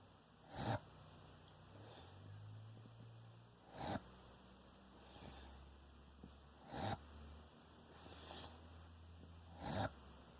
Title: Sounds like he's drowning in sleep/snore mode